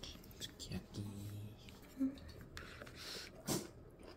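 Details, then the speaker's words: A female sneezes near a Korean jjamppong convenience-store food; sneeze. "👧 It really looks like jjamppong.. She sneezed.."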